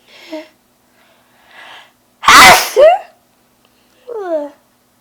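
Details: Sudden sneeze attack: one loud, explosive, very messy and wet sneeze with a sharp burst and quick follow-through, between quiet sniffs and breaths.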